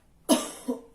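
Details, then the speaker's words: Acted demonstration of the effective cough technique taught by a nursing student during tuberculosis health education: hand on chest and abdomen, two breaths, then a held breath, one forceful cough and a smaller trailing cough. "Lalu lagi yang terakhir itu tarik nafas, lalu ditahan, lalu dibatukkan Bu."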